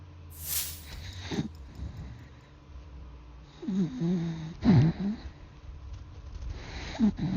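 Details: Golden retriever asleep in a cold Australian winter: irregular nasal snorts and rumbling snores with some background noise; snoring.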